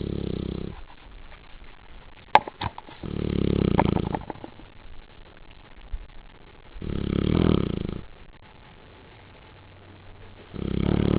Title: Snoring Neapolitan (Neo) Mastiff